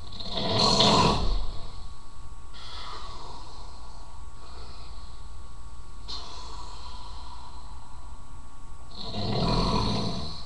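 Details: Man snoring: loud rumbling snores on the in-breath with quieter breathing between them.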